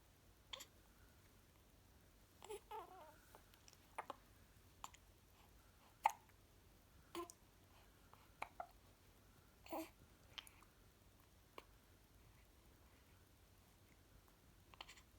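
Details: Japanese newborn baby boy, 17 days old, hiccuping and yawning: soft, brief, sharp vocal catches repeating every second or two against quiet room noise; hiccups.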